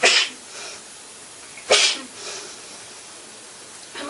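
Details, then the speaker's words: Two sharp, explosive sneezes about 1.5 seconds apart, with the start of a third; woman sneezing while showing makeup powder after warning she might sneeze. "I'll show you it hold on I might sneeze"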